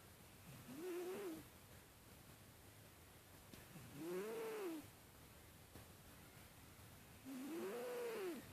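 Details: A sleeping cat snoring: three soft, drawn-out whistling snores about every three and a half seconds, with quiet pauses between.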